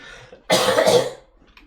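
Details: An adult gamer with a cold coughs during a live stream.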